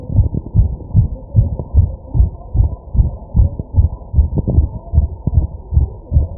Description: My fast heartbeat as I take deep breaths.